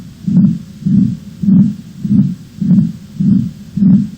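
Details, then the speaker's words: Heart murmur from a valve lesion, presented among main valvular lesion sounds: regular heartbeat about 103 a minute, each beat blurred by a low rumbling whoosh from turbulent flow. "Os sopros são vibrações decorrentes de alterações do fluxo sanguíneo, viscosidade e turbilhonamento, que ocorrem principalmente nas lesões valvulares."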